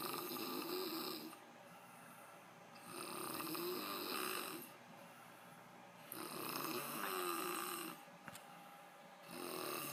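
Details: Man (the recorder's father) snoring in sleep: loud rough snores on each in-breath about every three seconds, with quiet out-breaths between, in a small room.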